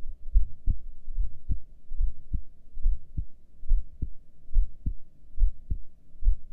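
Regular low double thumps at about 70 beats a minute, steady, with no breath noise during a breath hold.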